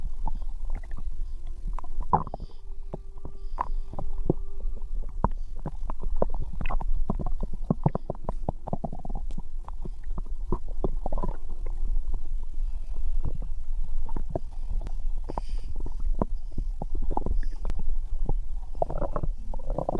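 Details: Bowel sounds recorded from a pregnant woman's abdomen: frequent low gurgles, pops and rumbles, active ordinary digestive noise.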